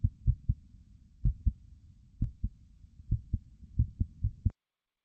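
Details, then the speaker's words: Normal heart sounds in a dog heard as through a stethoscope: crisp lub-dub with a slightly irregular rhythm that speeds up and slows down, normal especially in puppies. Finding: normal heart sounds with sinus arrhythmia. "So that's our normal heart sound. That's what the heart would sound like if you had a stethoscope. And you may have heard that it was slightly irregular. So speeding up and slowing down. That's very normal."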